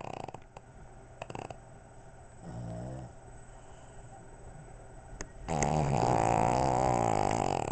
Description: Pug and Boston Terrier snoring.